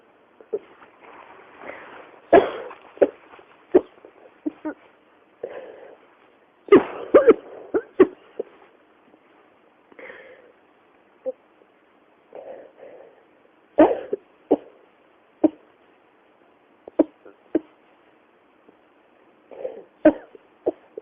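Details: Persistent, non-stop cough: repeated short, sharp coughs, some in quick clusters, continuing throughout with brief pauses.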